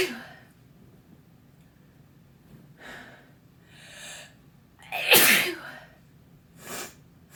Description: I sneeze in my OWL jersey